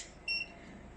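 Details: A single short high-pitched electronic beep as the aiming-light brightness button is pressed on a 980 nm diode laser unit for spider vein removal, against faint room noise.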